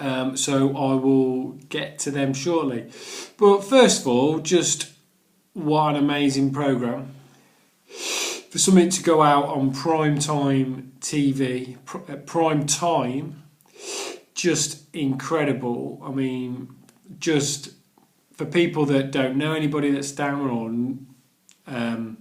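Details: Adult man who stammers, has done the Starfish Project course; stuttering with word and phrase repetitions.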